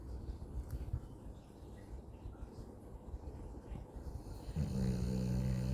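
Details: 9-year-old male Husky lying on a couch, snoring: soft low rumbling breathing, then one louder buzzing snore near the end.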